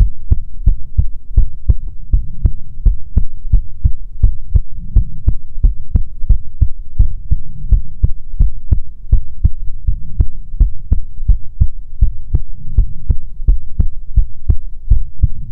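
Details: Steady, regular heartbeat with a low thudding lub-dub at roughly 85 beats a minute over a soft hum; ASMR heartbeat recording.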